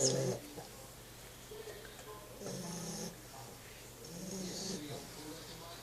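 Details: Sleeping puppy snoring: repeated soft, rattling breathing sounds with a brief voice at the start.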